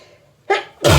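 Two abrupt, explosive bursts of air, one quickly after the other; sneezing from hay fever.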